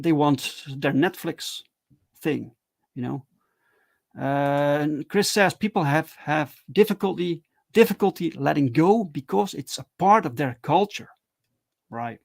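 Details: Male streamer who stutters, with repeated words and phrases; stuttering.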